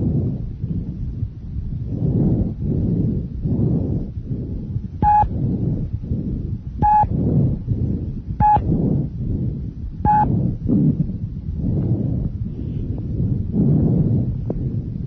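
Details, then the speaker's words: Normal bronchovesicular breath sounds, a mix of bronchial and vesicular sounds with inspiratory and expiratory phases about equal in length. Soft, even rushing breaths at about 18 per minute with a few brief tones. Normally heard anteriorly near the main stem bronchi (1st–2nd intercostal spaces) and posteriorly between the scapulae. "Branko vesicular breath sounds are a mixture of bronchial and vesicular sounds their inspiratory and expiratory phases are about equal in length"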